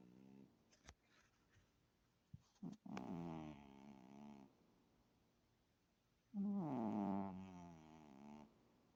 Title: Kitten snoring (may need to turn sound up)